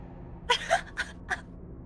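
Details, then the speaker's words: Explosive sneeze in an echoing space: a sharp inward gasp, then a forceful sneeze burst with a short after-sound. "You finally sneezed, everyone. I sneezed in the funny echo box."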